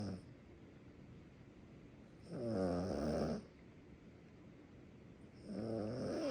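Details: Sleeping small dog, tagged Yorkie life, snoring "like an old man": deep, rumbling snores about three seconds apart, roughly 19 a minute, with a faint whistle over room hum; snoring.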